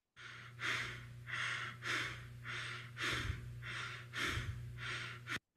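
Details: Rapid breathing demonstrated as a respiratory pattern example: tachypnea.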